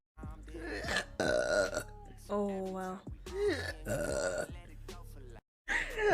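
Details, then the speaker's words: Woman who says she can burp on command, burping during a livestream: several long voiced belches with pitch shifts and brief pauses; repeated burping. "Do I burp on command or drink something? I can burp on command. It's a very useless trait, actually."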